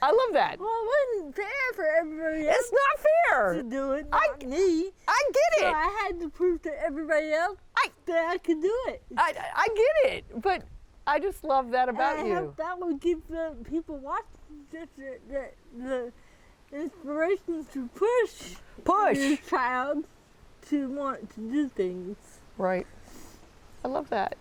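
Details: 40-year-old woman with moderate athetoid cerebral palsy, quadriplegia, GMFCS level 3/4, moderate to severe physical involvement, uses a walker and power wheelchair; speech may be hard to understand; dysarthria (athetoid cerebral palsy).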